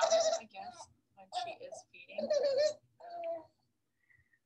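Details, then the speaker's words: Young girl's noisy breathing presented as a pediatric ENT example, less snoring and more on the squeaky spectrum, called textbook laryngomalacia: inspiratory stridor from laryngomalacia. "Thomas Schrepfer: Really cute one she's, on the other, spectrum less snoring granting but more on the squeaky squeaky spectrum let's see if you can play that."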